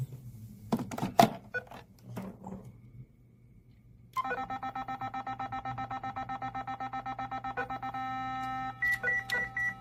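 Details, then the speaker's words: Training demonstration of a manual defibrillator: after energy is selected, about 150 J for an assumed 75 kg patient, handling clicks, then rapid even beeps about four per second, giving way to a steady tone as charging completes and the charge lamp lights. "원하는 에너지를 선택하고 해당 버튼을 누르게 되면은 에너지가 충전됩니다 그리고 다음과 같이 차지 램프에 초록색으로 온이 됩니다"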